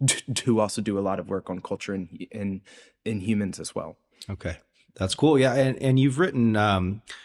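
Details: Adult male postdoctoral researcher, self-reported speech impediment audible throughout an interview; this stretch has word repetitions; stuttering (word repetitions).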